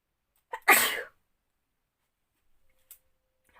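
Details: Woman doing a sneezing challenge, sneeze induced with a piece of paper, eyes watering afterwards: a short intake of breath, then one sharp, explosive sneeze, followed by quiet.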